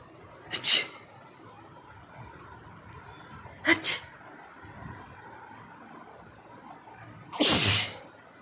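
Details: Person producing a mix of real and deliberately faked sneezes: three sharp sneeze bursts, each with a quick intake before it; sneezing.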